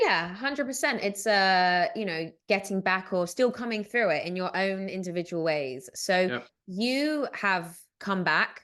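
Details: Adult woman speaking; Normal speech.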